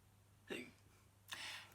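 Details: Two abrupt, short voiced catches of breath about a second apart, typical of hiccups, from a daughter described as very hiccupy, in a quiet room.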